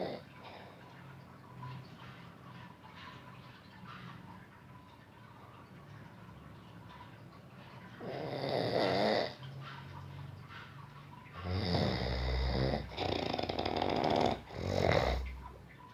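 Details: Deep-sleep snoring: low rumbling snores in irregular bursts over quiet breathing, growing louder toward the end.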